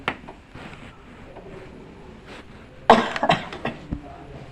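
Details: Vocational nursing student's practice demonstration on a male patient after slow breaths in through the nose and out through the mouth; quiet breathing, then one strong forceful cough and shorter bursts, acted effective cough exercise to clear phlegm.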